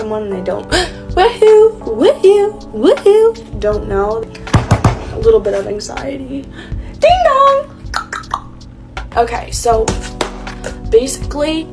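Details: Young woman diagnosed with Tourette syndrome at the Mayo Clinic at age 18, now 19; clip from a compilation tracing her tic progression, with repeated involuntary phrases and obscene words; Tourette syndrome vocal tics.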